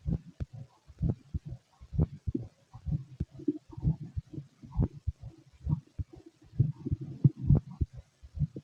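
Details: Fit male, heart auscultated with a stethoscope during digestion after a meal; steady, soft low thumps at a calm resting pace with a little body rumble; normal heart sounds.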